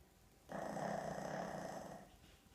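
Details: A single loud, rough, rattling breath lasting about a second and a half, typical of a flat-faced dog's snore, from a sleeping pug; loud snoring.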